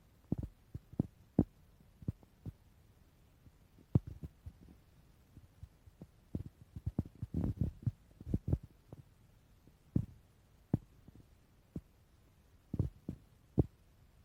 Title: Stomach growl